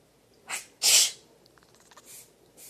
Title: Squeaky gets mad if someone sneezes!